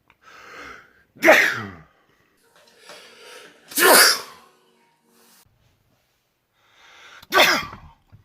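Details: Three loud, explosive sneezes, each led by a drawn-in breath, with short pauses between them; sneezing.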